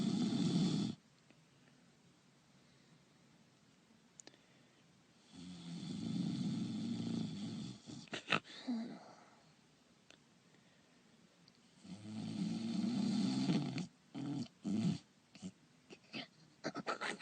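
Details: Acted voice-over imitation of snoring for an animated character (GoAnimate): three long, rumbling snore bursts separated by quiet pauses, with short choppy snorts near the end; simulated snoring.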